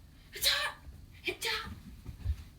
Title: Sneeze challenge part 13